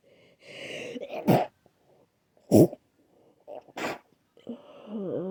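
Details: Person with an itchy, sensitive, clogged nose who cannot breathe through it: three sharp, forceful, wet, congested sneezes, then a nose blow; sneezing.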